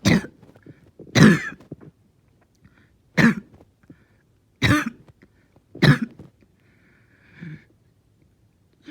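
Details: Six harsh, forceful coughs about a second apart, each a rough burst, in a bad, painful, long-lasting coughing fit.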